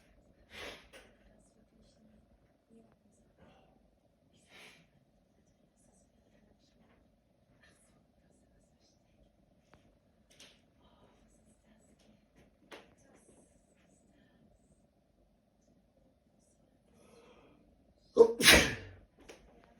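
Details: Quiet room with faint breaths, then one loud sneeze near the end, from a person with a cold who had an itch to sneeze for 24 hours.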